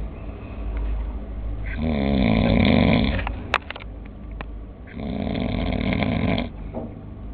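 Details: Two long, loud, fluttering snores on breathing in, separated by quieter breathing, from a sleeping man who insists he does not snore; snoring.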